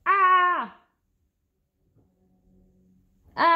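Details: Young woman with Tourette syndrome whose tics are currently worse while she works on trauma in rehab; vocal tic.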